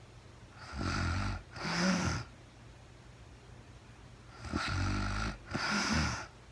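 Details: Woman snoring during real-time overnight sleep, recorded as sleep-aid white noise; paired snoring sounds, a rumbling breath in then a breathy, fluttering breath out, repeating about every three to four seconds.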